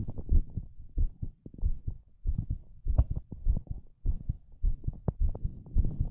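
Low, muffled heartbeat thumps at about 100 beats a minute, somewhat uneven, with soft rumbling between beats.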